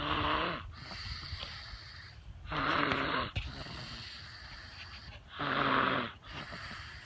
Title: Snoring on the trampoline